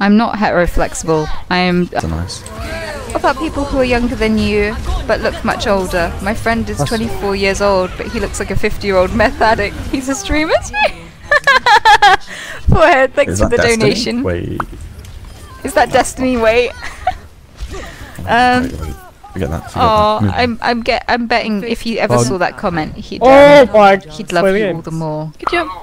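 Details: Real vocal tics from a woman with Tourette syndrome, repeatedly interrupting her conversational speech; finding: vocal tics (Tourette syndrome).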